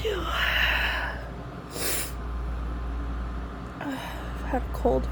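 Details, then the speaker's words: Adult female with a summer cold, itchy congested nose and sore throat, sneezing in bed: a sharp sneeze with a gasping intake before it and congested, sniffly breathing around it. "And I'm congested and I just want to sneeze like a million times and get the itch out of my nose, but it never seems to go away."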